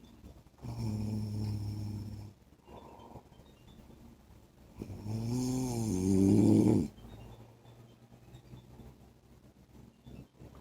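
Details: Adult man (husband) snoring in sleep: two loud, buzzing inspiratory snores, the second rising in pitch, with quiet breathing between.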